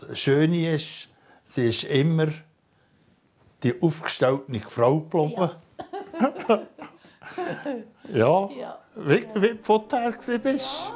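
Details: Adult man speaking; normal speech.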